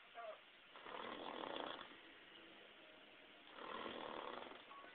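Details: Adult man asleep after getting drunk and passing out early: two long, rough, noisy breaths a few seconds apart in a quiet room; loud snoring.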